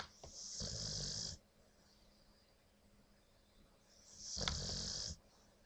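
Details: Newly adopted dog, exhausted and sleeping, who also passes gas; two snoring breaths about a second each, a low rumble with hissy whistling airflow, separated by a quiet pause; snoring.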